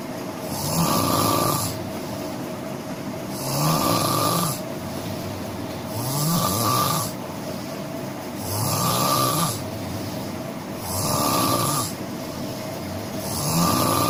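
Loud, rough, regular snoring with harsh rattling on each breath, about 24 a minute; heavy snoring.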